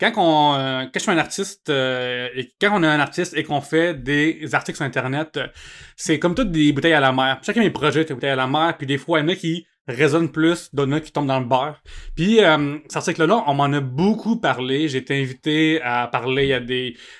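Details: Cluttering in an adult man, a comedian, who only learned as an adult that speech therapy exists for cluttering; it is often mistaken for stuttering.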